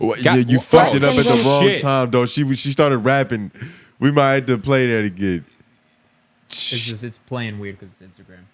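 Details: Adult male speaker; Typical speech.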